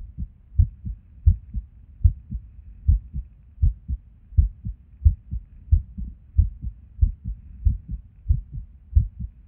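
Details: Resting heartbeat recorded at Erb's point while sitting at a desk, heart often skippy with or without reason: muffled beats near 90 a minute, unevenly spaced with occasional pauses; an irregular rhythm with skipped beats.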